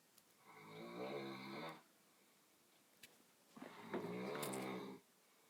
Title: Man snoring BBC radio 2